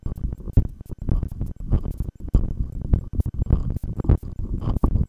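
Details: Heartbeat through a stethoscope during a long exhaled breath-hold: deep, muffled thumps at about 100 per minute, somewhat uneven.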